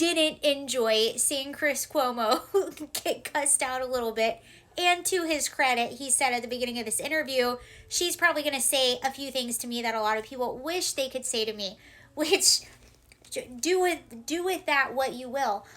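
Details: Adult woman speaking; Normal speech.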